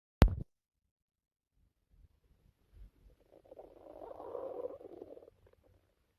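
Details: After a sharp click, faint low gurgles build into a drawn-out bubbling rumble lasting about two seconds, then fade, from a person's stomach: ordinary bowel sounds (borborygmi).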